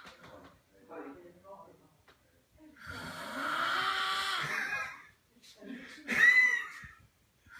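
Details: Adult man (father) snoring while asleep: a long, loud, rasping snore on the in-breath between quieter breaths, then a shorter snort with a whistling edge; heavy snoring.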